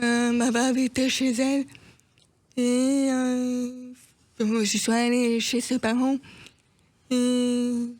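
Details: Deaf speech in a deaf woman who says she cannot fully hear herself to correct her voice and pronunciation.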